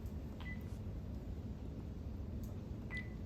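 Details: Sigma Spectrum IV infusion pump being programmed for a secondary bag of cefazolin 2 g in 100 mL over 30 minutes; two short high electronic keypad beeps over low room hum; infusion pump keypad beeps.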